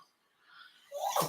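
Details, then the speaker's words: A dog with allergies gives one abrupt, breathy snort-like burst after near silence, cut off at the end: a sneeze. "Sorry, our dog has allergies. You can hear him sneezing in the background."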